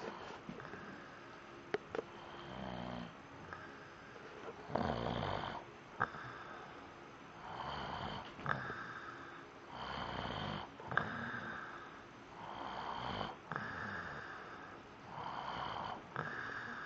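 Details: Father asleep: regular rasping snores about every two to three seconds, roughly 24 a minute, with soft breathing between; ordinary snoring.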